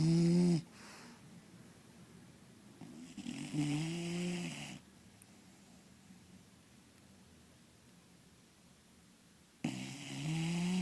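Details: Vanilla, a sleeping bulldog, snoring loudly with rattling snores and quiet pauses between breaths.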